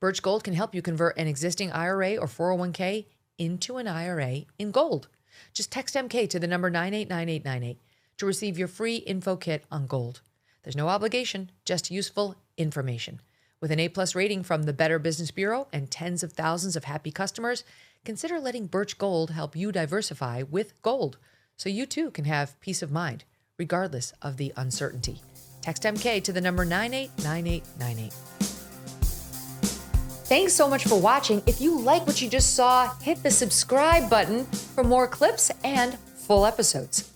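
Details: Adult speaker; normal speech.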